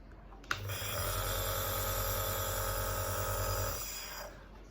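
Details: Nebulizer compressor in an inhalation therapy technique demonstration, with medication vial and mask attached: a click, then steady buzzing motor hum with fast regular pulsing for about three seconds, winding down.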